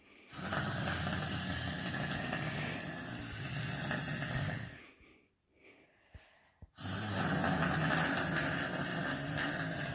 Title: Snoring sexy girl.